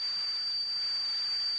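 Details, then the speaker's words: Simulated tinnitus of the tea-kettle type, one of seven common tinnitus sounds played by an audiologist: a steady, high-pitched whistle over a soft hiss. "चाय की केतली की आवाज। (उच्च"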